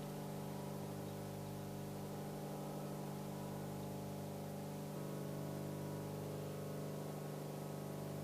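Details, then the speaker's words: Therapeutic ultrasound unit running in pulsed mode, pulse ratio 1:4, one-minute-per-treatment-head dosing giving five minutes total: steady electrical hum with fast, even pulsing during treatment. "i'm going to switch the machine on now working on the principle of one minute of ultrasound per treatment head"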